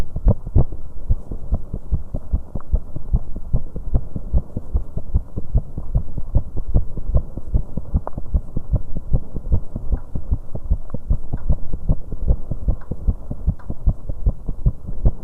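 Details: 19-year-old female's heartbeat after an exercise bike session: fast, forceful heart thumps with an uneven rhythm and occasional early or skipped beats, consistent with premature beats.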